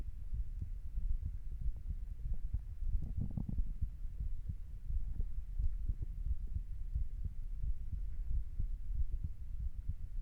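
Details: Usual heart sounds of an adult lying down in sleeping posture: soft, low, repeated thumps over a steady background hum; normal heart sounds.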